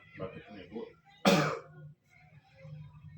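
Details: Tuberculosis patient being taught an effective cough to clear sputum: deep breath, hold, then a single forceful cough amid brief instructional speech; effective (huff) cough demonstration.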